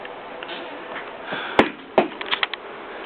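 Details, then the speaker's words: A newly adopted pet rat sneezing in fits since moving in a day earlier, occasionally rubbing his nose: two sharp little sneezes followed by several faint clicks over quiet room noise. "listen do you guys hear that cuz it's been going on since he moved in with me like yesterday it's just this non-stop sort of sneeze sound"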